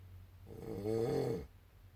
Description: Husband was snoring I couldn't get him to stop until the very end he smelled it.